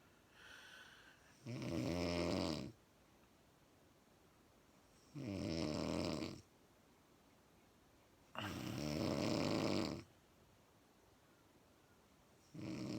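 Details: Female snoring: loud rattling snores about every four seconds, roughly 16 a minute, separated by quiet exhalations; ordinary snoring.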